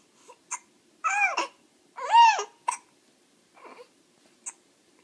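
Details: Baby hiccuping; short abrupt hiccup catches mixed with brief whimpering cries. Hiccups.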